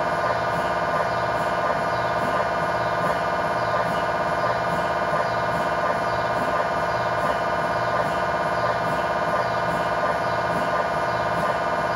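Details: Lower-leg (tibia/fibula) MRI scan heard from inside the scan room: a steady loud buzzing drone with rapid rhythmic pulsing from a GE high-definition lower-extremity coil (stated as 8- or 16-channel). This is a test scan in a controlled environment. MRI scanner noise.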